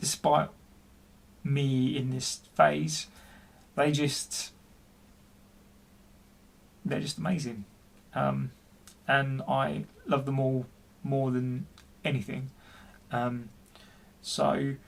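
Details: Adult man, 40, who stutters and has been experiencing depression, speaking with repetitions in a personal story; stuttering.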